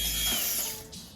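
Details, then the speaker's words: A dental high-speed handpiece whines and whirs as it spins down after being sprayed with lubricant at the chuck attachment and run until dry during weekly cleaning and maintenance. "Once it's sprayed, repeat what you did before and run until dry."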